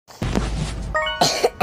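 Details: An adult who says they are unwell gives a couple of rough coughs, inhales and clears the throat over background game music.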